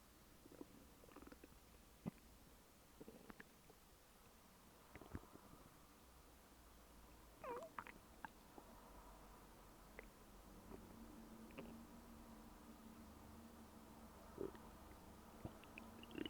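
Faint gurgles, squeaks and low rumbling over soft hiss; ordinary stomach growling from gas and fluid moving through the gut.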